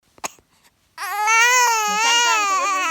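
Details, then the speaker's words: 7-week-old baby boy hungry and asking for milk: a brief click, then a sustained, strong tonal infant wail. "哎，不哭啊，不哭啊。"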